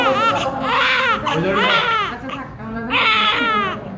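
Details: A newborn baby crying just after birth: loud, rhythmic wailing bursts with quick breaths between them, with family voices nearby.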